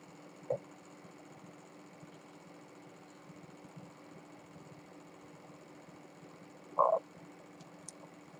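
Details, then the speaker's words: Two brief, low stomach gurgles in a woman about two months after gastric sleeve surgery, occurring when she drinks soon after eating, against quiet room noise. "if you sell any food anywhere near you in your system and then you drink um you'll hear this noise that's a really gross noise and it's embarrassing too"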